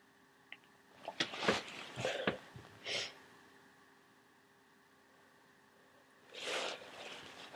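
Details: A run of sharp, explosive sneezes with breathy intakes, then a final louder sneeze, during a cold, in a quiet room.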